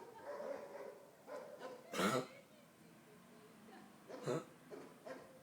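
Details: Cough in a young girl, attributed to getting wet; she is asked whether she has taken her syrup.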